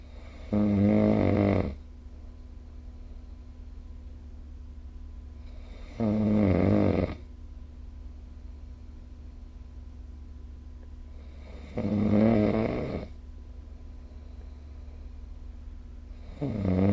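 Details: Snoring recorded with a snoring-recording phone app: loud, rattling snores about every six seconds, roughly 11 a minute, with quiet pauses between; heavy snoring during sleep.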